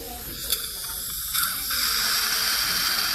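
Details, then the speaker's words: Dental air-water syringe rinsing a patient's tooth after polishing during a Diagnodent caries-detection demonstration: a steady hiss of spraying air and water with a few clicks. "Okay, now I'm going to give her a rinse."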